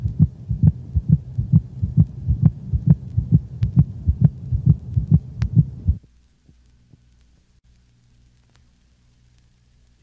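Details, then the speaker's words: Dog with heartworms: fast, regular heartbeat with split second heart sound from delayed pulmonic valve closure in pulmonary hypertension, recorded over the pulmonic region along the cranial left thorax; "lub-drop" sound, split components close and higher frequency than the first sound. "the sound resembles that of a lub drop the split sounds are close together and higher in frequency than the first sound this split-second sound was recorded from a dog with heartworms"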